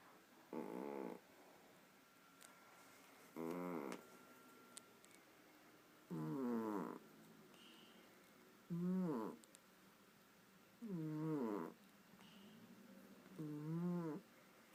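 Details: Six regular, buzzing tonal snores, each about a second long, roughly 24 a minute, in a quiet room; a sleeping cat snoring.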